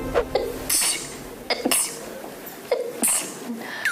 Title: K-Pop sneezing funny compilation caught on camera.